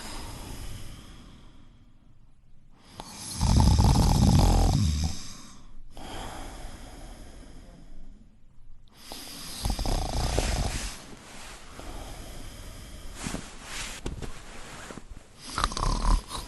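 Loud, low, rattling snores during sleep, acted for a comedy scene, with quieter breathing between them.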